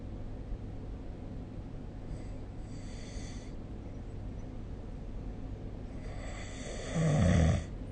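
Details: Snoring during sleep recorded with the SnoreLab app: low rumbling snores over steady background noise, with one louder, coarser snore near the end.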